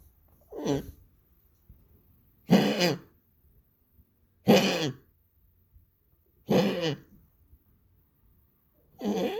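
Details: Five harsh, honking coughs about every two seconds in a quiet room, noted as much more frequent than before; repeated, frequent coughing.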